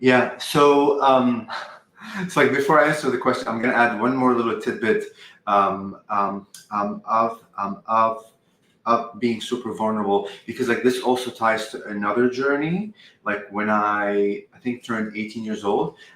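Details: 44-year-old man who has stuttered all his life, since at least age five, with a family history on his father's side; uses "um" and "like" to transition, and sometimes words don't come out; stuttering.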